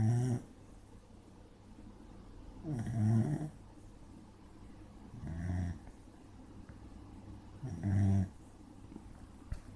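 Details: Sleeping dog snoring: loud, low, rattling snores about every two and a half seconds, roughly twenty-four a minute, with quiet pauses; snoring.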